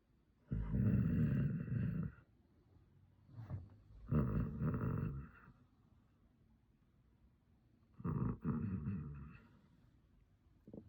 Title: Me snoring